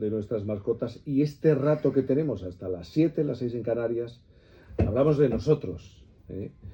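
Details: Adult male radio host; Normal fluent speech.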